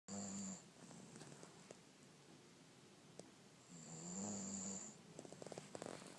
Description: My German Shorthaired Pointer snoring away on the couch.